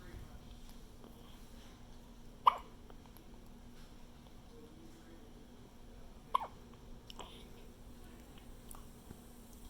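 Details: Two short, sharp hiccup sounds about four seconds apart over a faint steady room hum.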